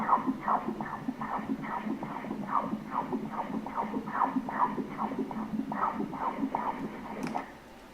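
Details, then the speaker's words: Fetal heartbeat on Doppler ultrasound during a pregnancy scan, crown-rump length 14 cm: rapid, regular whooshing pulses, about 146 beats a minute. "Blood from your blood! Hear the baby's heartbeat. Only God can put this noise here... in the belly of moms."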